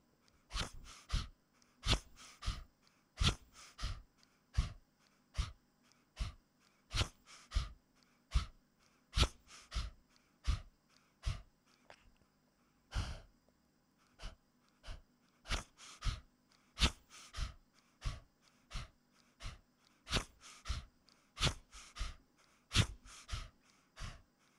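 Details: 15-year-old, 4.4-kg male Chihuahua with persistent cough after tracheal surgery, extraluminal prosthesis and permanent tracheostomy, with laryngeal paralysis and collapse and dynamic pharyngeal narrowing on expiration: harsh, snorting, irregular noisy breaths, about 45 a minute.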